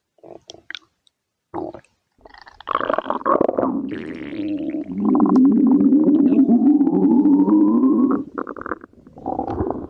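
Long gurgling, squeaky stomach growl that rises in pitch, with short gurgles before and after. Ordinary bowel sounds.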